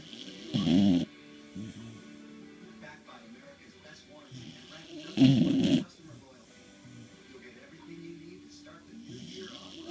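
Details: Bailey, a corgi, snoring.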